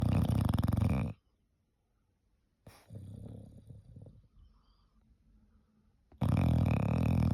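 Loud buzzing, fluttering snores in long bursts, with softer snorting breaths between them, typical of a flat-faced dog.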